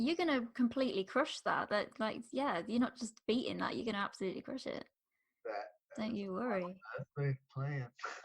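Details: Adult speaker; typical speech.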